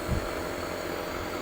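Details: Steady mechanical hum and hiss of a Dr. Morepen nebulizer compressor just switched on, pushing air through the tubing before any medicine or water is added.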